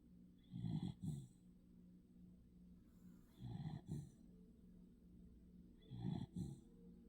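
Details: Sleeping pet dog giving three soft, double-puffed snoring breaths, roughly 25 a minute, with quiet pauses between; ordinary snoring.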